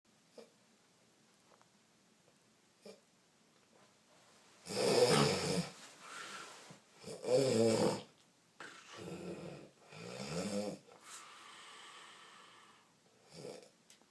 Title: Bandy's Horse Snoring